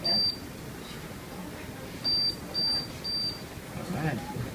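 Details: Therapeutic laser unit giving short high-pitched beeps at irregular intervals over room noise while treating the lateral epicondyle, in a physical therapy instructional demonstration.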